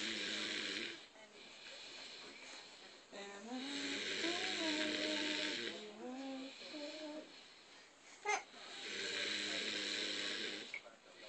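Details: A man snoring while asleep sitting up with his head not touching the cushion, recorded during the 2010 holiday season: long, loud, whistling, tonal snores in slow cycles over a steady hiss.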